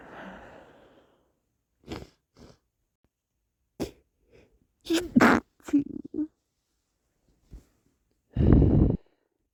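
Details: Deliberately stifled, muffled sneezes held back, each a quick breath in then a suppressed burst, ending with a fuller, louder sneeze, with lots of wet sniffling.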